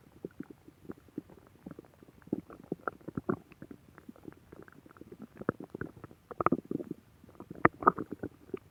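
Rapid runs of gurgles and squelching pops from the belly, quiet between bursts: ordinary stomach growling.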